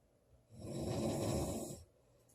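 A single loud, rasping snore lasting just over a second during sleep, with quiet before and after. Snoring.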